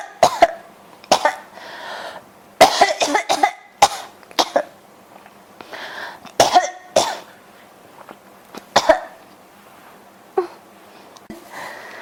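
Repeated short, dry coughs in clusters, about a dozen over twelve seconds; a persistent cough.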